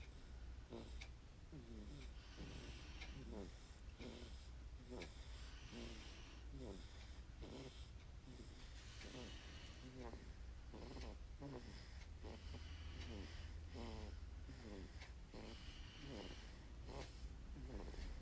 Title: my 1month 13days old baby is snoring